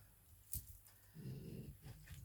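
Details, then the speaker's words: French bulldog snoring loudly in the background, described by the owner as a catastrophe: snoring. "Oh là là, il ronfle. C'est une catastrophe. Je sais pas si vous l'entendez, mais voilà."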